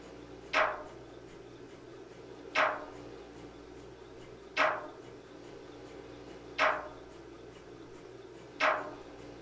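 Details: MRI scanner noise heard during imaging: loud regular knocks about every two seconds, roughly 30 a minute, over a steady machine hum. This is a sample sound to prepare patients, including children, for a scan.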